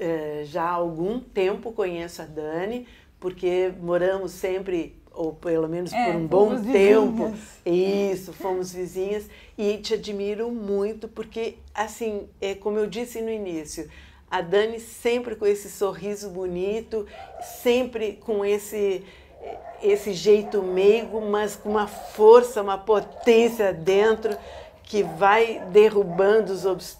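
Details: Adult woman speaking Portuguese; ordinary speech.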